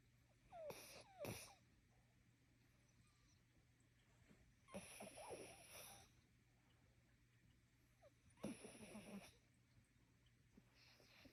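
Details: Chinese Crested dog snoring: three soft, whistling snores with snuffling, several seconds apart, in a quiet room.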